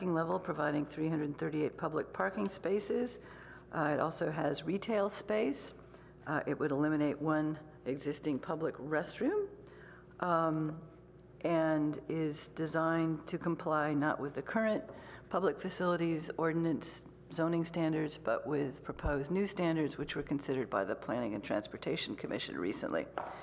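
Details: Adult woman speaking; Normal voice.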